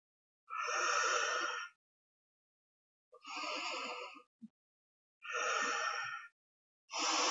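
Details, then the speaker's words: Demonstration of the tidal breathing method with an inhaler and spacer, for asthma or COPD: spacer held in the mouth, slow even airy breaths in through the mouth and out through the nose, about one every two seconds. "they are supposed to inhale via mouth and exhale via nose"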